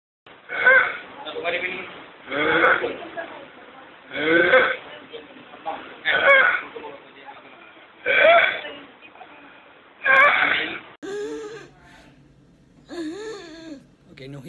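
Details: Simulated patient in late teens or early 20s acting sudden respiratory distress after a throat tickle, with no fever: repeated harsh noisy breaths at about 30 a minute, imitating inspiratory stridor from vocal cord dysfunction.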